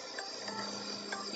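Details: Equine nebulizer kit with a Rosco Maverick heavy-duty aerosol compressor at about 40–42 psi driving a jet nebulizer: steady mechanical hum and hiss with faint rattling; normal device running sound.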